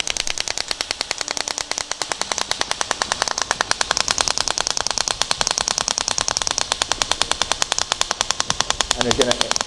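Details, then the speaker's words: Shock wave therapy device with a 6 mm head firing over the Achilles tendon while the applicator is moved across the treatment area: rapid, regular sharp clicks at about 200 a minute. "So in this area we're going to start shooting again, and again we're making this movement,"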